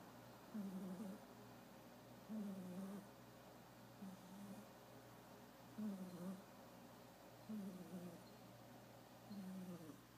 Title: Black cat snoring